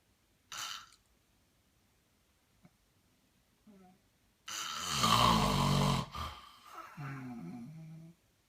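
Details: A man snoring: a long, loud, harsh snore with a snorting catch, then quieter breathing noises in a small room.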